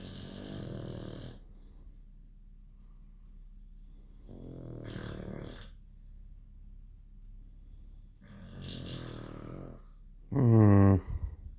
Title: snoring dogs 😆❤